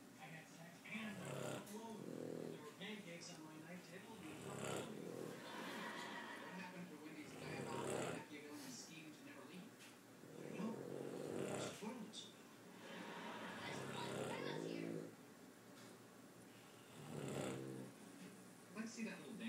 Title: Yoda the Boston Terrier, and Dad snoring in harmony